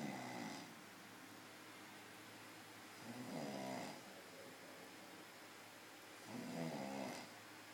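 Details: Person snoring very loudly in sleep: three loud rattling snores on the in-breath, about 18 a minute, over steady room hum.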